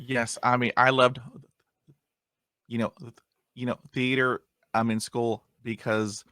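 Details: Adult who stutters, with 20 years of speech therapy and still getting hung up on words; stuttering.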